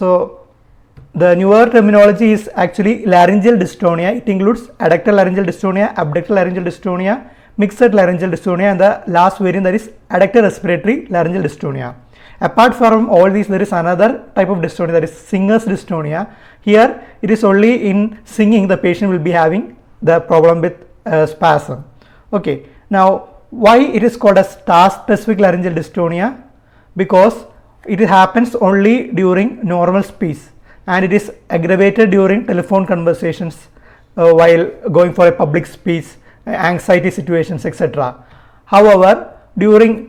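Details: Adult speaker; normal speech.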